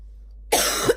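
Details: Female, morning cough: silence, then a single harsh, rough cough with a barking quality; barking cough.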